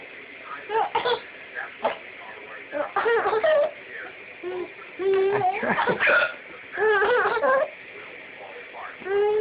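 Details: Repeated abrupt, catching vocal hiccups mixed with laughter and whimpering sounds; ordinary hiccups.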